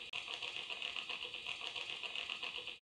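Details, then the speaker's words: EMG needle in an active neck muscle as the patient turns the head, guiding a botulinum toxin type A injection of about 25 units per point: dense crackling static showing muscle activity at the injection site for cervical dystonia. "moving the head helps a lot in finding the active muscle you can do this actively for example ask the patient to turn the head more but be careful this noise is quite enough to decide on the injection of the"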